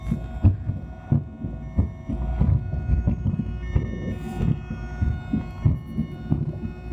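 Regular low heart thumps, about 90 a minute, heard through an amplified stethoscope over a steady electrical hum.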